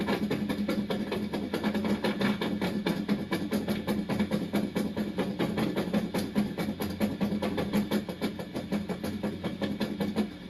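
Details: Needle EMG in a patient referred with a diagnosis of dystonia: dense, irregular crackling bursts of muscle firing in a chaotic pattern, consistent with psychogenic tremor rather than dystonia.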